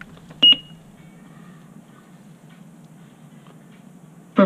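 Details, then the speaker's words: Two short electronic beeps as a Defibtech Reviver AED runs its self-test after the on button is held; the unit then reports that its 9-volt battery needs replacing; AED self-test beep. "unit self-test so when I hold it in like that it's gonna perform the self unit test and it's gonna take a couple of seconds and it's gonna let me know if everything's okay with the revive or defibrillator unit"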